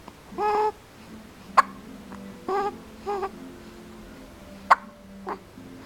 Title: Hiccups, norway